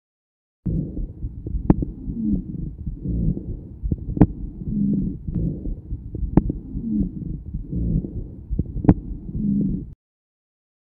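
Low-pitched, snoring, rumbling continuous sound repeating over about four breaths, mainly on breathing out: a rhonchus.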